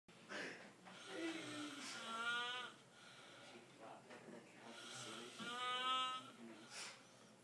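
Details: Snoring in a sleeping man, loud enough to wake someone across the house: two drawn-out snores with a high, whistling, bird-like tone, quieter breathing between, about two breaths in seven seconds.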